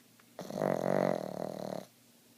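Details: Sleeping pug snoring, with eye rolls, dreaming and puffs of air escaping his jowls: one long, rough, buzzing breath lasting over a second.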